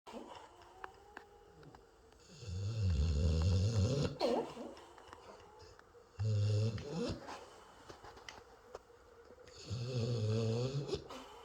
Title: Yeti snoring Sun City